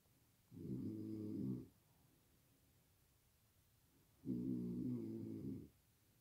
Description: I'm a light sleeper, lately snoring too loud and I can't sleep, I wake up with a really bad headache 😫💤🛌💏 😁